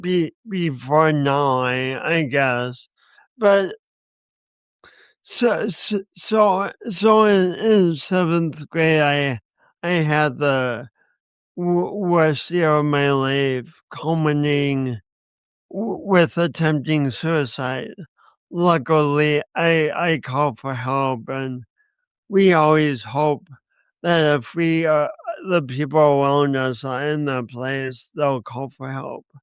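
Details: Speech impediment (dysarthria) in a 50-year-old man, lifelong and linked by him to a birth injury, with accompanying coordination issues; he describes it as a disability.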